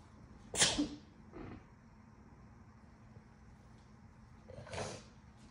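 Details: Two sharp, wet sneezes, the first with a small follow-up breath, in a quiet room; induced sneezing in an adult getting over a cold, still congested and slightly losing voice.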